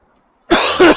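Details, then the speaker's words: Two harsh, forceful dry coughs from an adult man cycling home at night in chilly air, coughing repeatedly since leaving the office; nose clear, he suspects daytime air conditioning or a cold. "还太冷了，还是感冒了，不停的咳嗽，什么情况？哎呀，什么情况？干咳。哎，咳的不行。"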